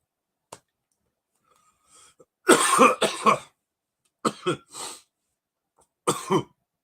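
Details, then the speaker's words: Adult coughing after inhaling cannabis concentrate (dabs) that hit the lungs: a brief fit of harsh, throaty coughs in two clusters. "dabs dabs hit me and it might hit my lungs in that special way"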